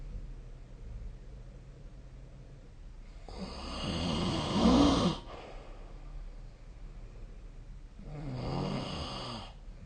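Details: Sleep snoring: two rough, rattling breaths drawn in about 5 seconds apart over quiet room noise; snoring.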